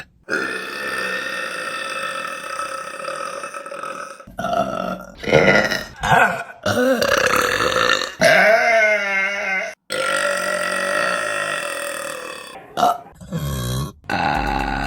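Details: Female burping compilation: several loud, long, drawn-out burps with short pauses between them; belching.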